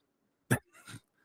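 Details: An adult man who says he is sick gives a sharp throat-clearing burst followed by a softer, rougher second clearing sound.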